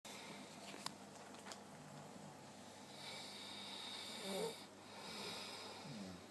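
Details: Person sleeping after working seven straight nights, snoring: low rasping breath noise with soft snorts over steady room hiss.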